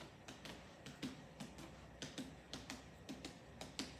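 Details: During a physical exam, after normal bowel sounds in all four quadrants, repeated quick finger taps over two areas in each quadrant give hollow, drum-like notes heard throughout: normal abdominal tympany on percussion.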